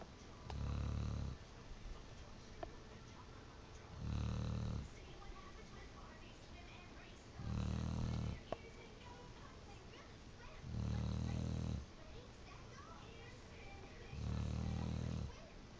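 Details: Pit bull napping: five low, rumbling snores at steady intervals, about 19 a minute, with faint room noise between; ordinary snoring during sleep.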